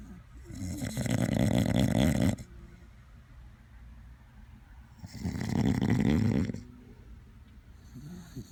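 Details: Snoring: a sleeping dachshund, with its owner also snoring alongside, making loud, fluttering, rattling snores on long in-breaths about four seconds apart and quieter out-breaths.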